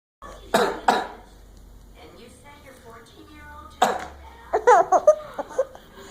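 Two sharp adult coughs, then another burst later, with a child's laughter in a small room.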